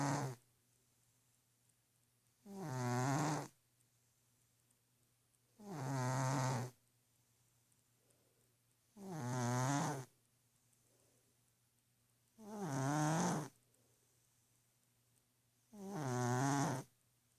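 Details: Orange cat asleep on a pillow: loud, regular rumbling snores about 18 a minute with silent pauses between; ordinary sleep snoring.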